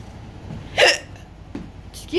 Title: Today I have hiccups